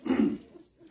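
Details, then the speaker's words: Adult man's coughing fit during a talk, needing cough drops; his wife says his cough sounds like a horse cough. "I'm about to have a coughing fit hang on my wife says my cough sounds like a horse cough"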